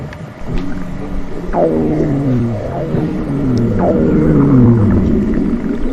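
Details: Low rumbling gurgles with two drawn-out, falling, groan-like tones over steady background noise: stomach growling (borborygmi).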